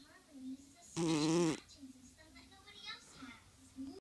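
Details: Overweight cat in REM sleep: one loud, buzzy, fluttering snore on a single breath, with softer breathing noises around it; snoring.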